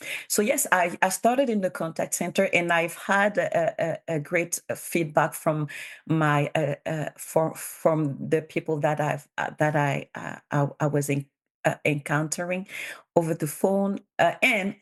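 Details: Bilingual adult woman who stutters; her real conference speech shows sound and word repetitions, consistent with stuttering.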